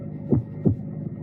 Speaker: basically lub sound is the closing of the AV valves as the ventricles contract during systole the dub sound is the closing of the semilunar valves during the start of diastole